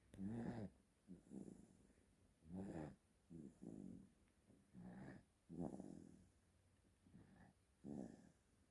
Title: Cute Baby Snoring Loudly | 귀여운 아기 크게 코고는 소리